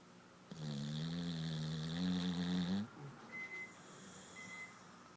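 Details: Male pit bull dog snoring during sleep: one long, tonal, rattling snore lasting about two seconds, followed by quiet breathing and faint squeaks.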